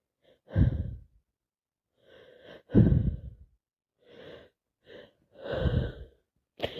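Several short, wet, snorting nasal bursts with sniffs and breaths between them, congested sneezing with a cold.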